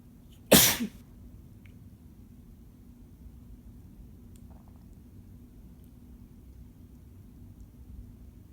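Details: Male boyfriend sneezing: a single sharp sneeze followed by quiet room noise; an ordinary sneeze.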